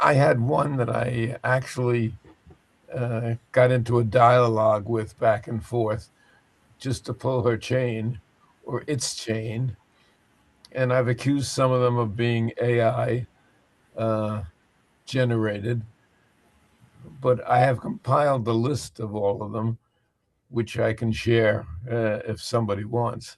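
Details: Adult male speaker; ordinary speech.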